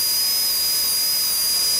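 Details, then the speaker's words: Dental high-speed handpiece reducing about half a millimetre of lingual enamel during three-unit anterior bridge preparation (congenitally missing lateral incisors, orthodontically positioned abutments): steady very high-pitched whine with hissing spray. "Then we'll move over to the cuspid and also reduce that lingual surface, grazing about a half a millimeter of that lingual surface away."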